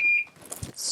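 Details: Infusion pump demonstration: after air is removed from the line with a syringe, Start is pressed. A single short electronic beep, then faint handling noise: the start-key confirmation tone as delivery resumes.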